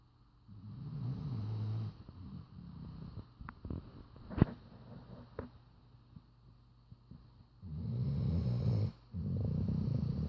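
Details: Chocolate Labrador snoring loudly while sleeping: deep, rattling low snores separated by a quiet stretch with faint clicks and shuffling.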